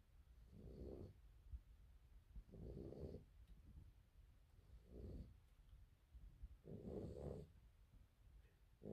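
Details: Rottweiler dog snoring in sleep: low, rumbling snores about every two seconds, roughly 28 a minute, in a quiet room.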